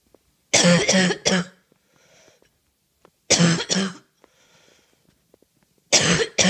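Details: An adult coughs in three quick clusters of harsh coughs, about eight in all, with brief breaths between: a coughing fit from a bad cough.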